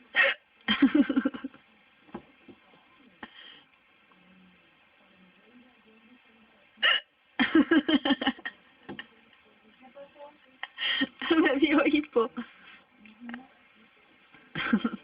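Repeated sudden voiced hiccup bursts, some in quick clusters, with quiet gaps between; hiccups.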